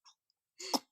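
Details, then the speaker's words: Small child (a daughter) gives a single short, forceful cough in a quiet room, while also sneezing at times during the recording; cough. "ओहो, खांसी हो रही है इतनी जोर से? छोटे से बच्चे को खांसी हो रही है हैं?"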